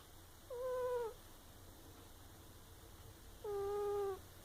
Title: My cat snoring! It's the cutest thing!